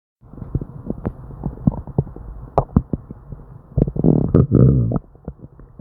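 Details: Hyperactive bowel sounds (borborygmi) in a person with diarrhea: frequent gurgling, popping and rumbling abdominal noises without pause, an upset, non-stop stomach.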